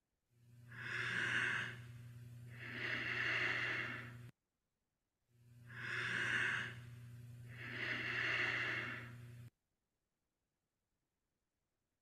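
Two slow, drawn-out breaths, each a long inhale then exhale with a steady low hum beneath; slow breathing rate, bradypnea.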